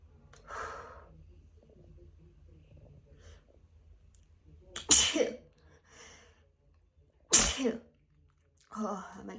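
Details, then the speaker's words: Person with new autumn allergies sneezing repeatedly after a walk outdoors: two loud, sharp sneezes, each with a quick in-breath before it, over quiet room noise; sneezing leaves them lightheaded. "So I've just been out for a walk. And it's so difficult not to put my hand on my face. And I've been for a walk and now this is happening."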